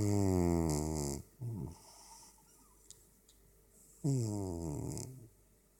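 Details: Black cat asleep on a black duvet in a dark room: two loud, rattling, buzzy breaths a few seconds apart; cat snoring.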